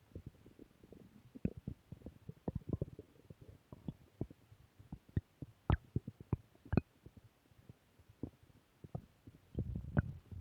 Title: Return of stomach growl 2